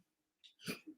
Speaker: you hear that yep that was my dog sneezing no I don't know what she was doing